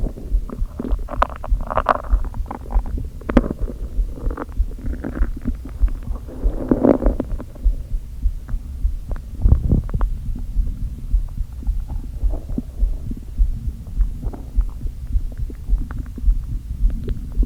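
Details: Irregular low gurgles, squeaks and rumbles from the empty stomach of a person who had not eaten all day, only coffee, with hunger pangs and a slight headache: stomach growling.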